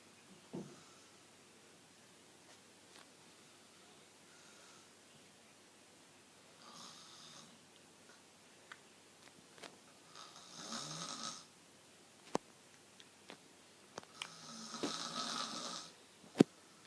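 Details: Soft, breathy snores roughly every four seconds, with scattered clicks and rustling in a quiet room; a person snoring.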